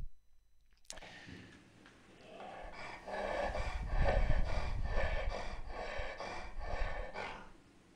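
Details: Inspiratory stridor (laryngeal paralysis).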